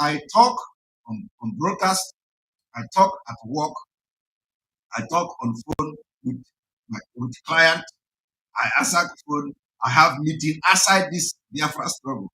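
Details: Adult male speaker; typical speech.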